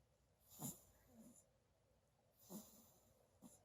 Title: Snoring baby!